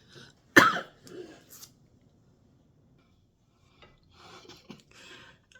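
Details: A woman with a sore throat/laryngitis, reported as improving, gives one sharp, forceful cough followed by softer rasping coughs and throat clearing; a dry, non-productive cough.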